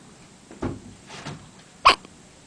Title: Hiccups 4